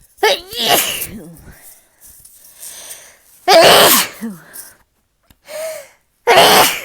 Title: Sneeze attack